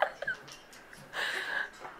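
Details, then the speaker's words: 11-year-old girl with persistent hiccups that won't go away despite her trying hard to stop them: brief, sharp gulping hiccup sounds, then a longer vocal sound, in a quiet room. "she found her computer over there with the hiccups and she's trying so hard to get rid of all"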